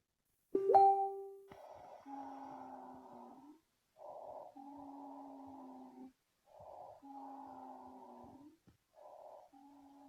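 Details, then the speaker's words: Musical, whistling tones with each breath over several cycles, played as a teaching example in a physiology case presentation: wheezing from bronchoconstriction or airway obstruction. "So that's a wheezing, no? There's a bronchoconstrictive or there's obstructive that's happening to the patient."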